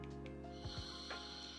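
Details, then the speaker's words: Simulated heartbeat played by a white noise machine to help a newborn sleep: a single soft lub-dub pair of low thumps over a steady humming background. "Even a heartbeat eh. If your baby is like very obsessed with like listening to your heartbeat to sleep, right?"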